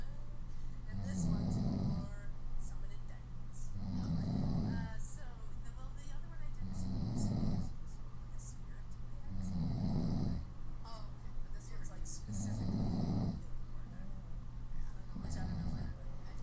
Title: Lip blowing snoring on her stomach